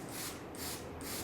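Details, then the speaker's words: Simulated demo of a Monsoon mechanical jet ventilator: a nitrile glove stands in for the lung and is occluded. A continuous rough hissing gas rush with surging pulses follows as an inspiratory pressure reading appears, with the CO2 port closed. "here we start jetting and we will use a nitrile glove as a substitute for the lung hair and as I kind of occlude it you can see we start to get an inspiratory pressure reading"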